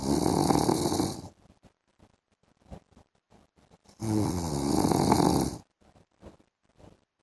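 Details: A husband snoring while asleep in the afternoon: two long, loud, rattling snores on breathing in, separated by quiet pauses with faint clicks; heavy snoring.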